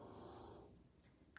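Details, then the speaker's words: Snoring from a sleeping King Charles Cavalier Spaniel dog in the background of a home room, heard over talking; owner says she snores regardless of weather. "an you hear my snoring dog over there you hear it that's Miss Millie she is our King Charles Cavalier and she is the sweetest Spaniel dog you've ever known but that dog snores can you hear that yeah that's her snow snore"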